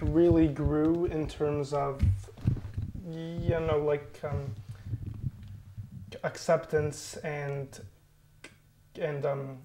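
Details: Adult co-founder of an online stuttering support group, a person who stutters, with audible repetitions; stuttering.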